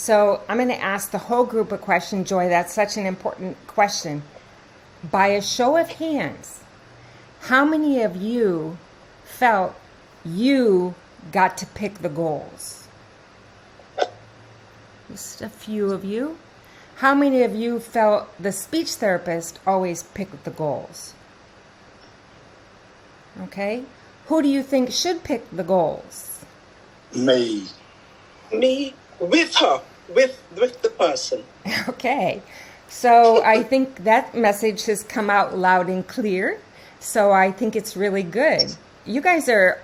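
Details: Adult woman speaking to a group, with brief replies from others; no speech disorder.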